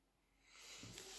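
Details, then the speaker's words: Snoring from a tiny 7 to 8 kg female that snores like a fully grown man, heard in the background while the speaker is talking. "And sometimes people don't attempt to do things, and I apologise for the snoring. Can you hear that? That's shocking. She's only about 7 or 8 kilos. She's tiny. She snores like a fully grown man."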